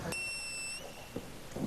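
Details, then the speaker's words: Teenage boy with Tourette syndrome, whose tics change over time; sudden, piercing, shrill screech under a second, his most bothersome recent tic: loud vocal screeching tic. "tongue has a variety of ticks they tend to change over time most recently his most bothersome tick has been a loud screeching or screaming"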